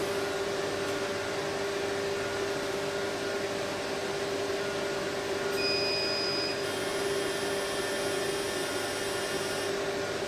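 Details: Fractional CO2 laser test-fired onto paper at raised power for severe acne scars. Steady machine hum with brief high-pitched beeps.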